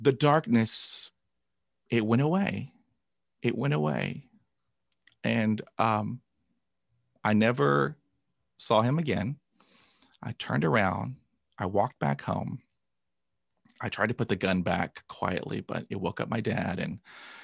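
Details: Adult man stuttering for about 45 years since a traumatic dog attack at age 5, with 20 years of speech therapy, describing repetitions and blocks; word repetitions audible; stuttering.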